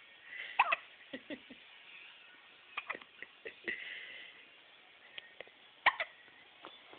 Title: gets the hiccups